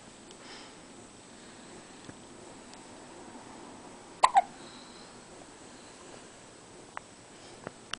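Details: Six-day-old baby girl, asleep after a big feed, hiccupping: two sharp hiccups close together in a quiet room, followed by a few faint clicks.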